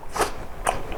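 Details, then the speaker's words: Two brief, sharp throat or mouth noises imitating a simple vocal tic, demonstrated in a neurologist's TV interview on Tourette syndrome: imitated simple vocal tic. "Não. Essa síndrome, mas né, o tique vocal, ele pode ser, por exemplo, né, ou"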